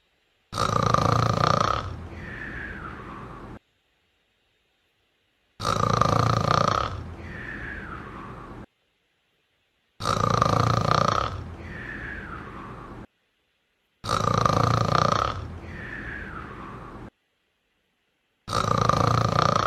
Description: Just a cat snoring